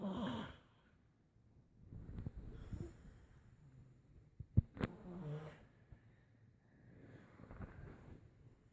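Low, rough breathing noises during sleep with irregular snorts and soft fluttering on the breaths; snoring.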